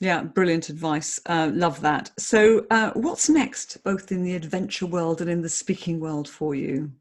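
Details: Adult speaker; typical speech.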